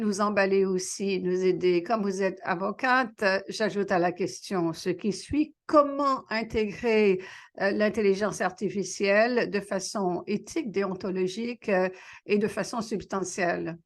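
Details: Adult woman speaking French; normal voice.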